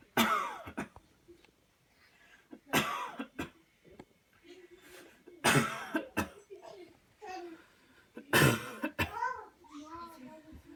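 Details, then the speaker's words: Assisted cough demonstration: after guided counted deep breaths in and out, four strong, forceful coughs while pressure is applied by hand until done, with quiet adult voices between, to help clear the airway. "okay here we go oh one two three put deep deep deep cough"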